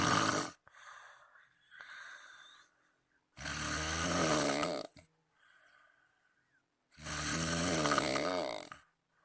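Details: Friend snoring heavily at night, keeping the recorder awake: loud, rattling snores on each in-breath with quieter out-breaths between, about two snores in nine seconds.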